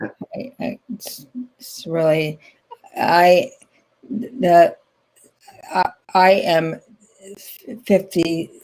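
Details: Adult woman, stroke survivor since 2010 with ongoing rehabilitation therapy; post-stroke aphasia.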